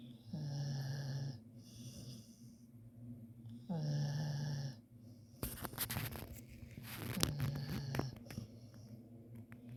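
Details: A sleeping dog snores, described as louder than a human: loud, droning snores, then a rattling, snorting breath in during the second half. Dog snoring.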